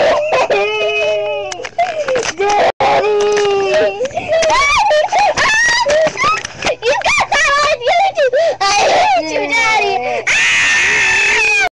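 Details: Two babies crying loudly and continuously, with overlapping wails rising and falling in pitch: infant cry.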